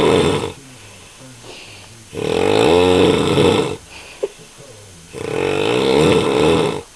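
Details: Adult man (the uploader's father) snoring loudly: rough, rattling snores about every three seconds with quieter breathing between.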